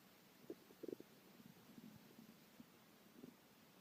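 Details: Hungry stomach: short bubbly gurgles and a low growl from the belly; ordinary stomach rumbling (borborygmi).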